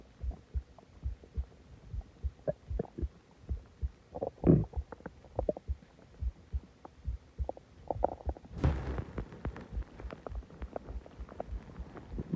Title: Loud stomach growling and groaning after eating alot and drinking soda